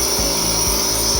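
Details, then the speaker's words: Nebulizer compressor running and delivering visible mist: steady mechanical hum, hiss and low rhythmic pulsing. "Whenever this gets a little loose, pops off, the smoke stops. So make sure that you've got it plugged in really tight. That's usually the first thing that happens if it starts to make a funny sound or if it starts to not mist anymore."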